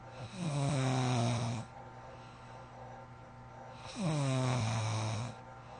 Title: Heavy snoring💤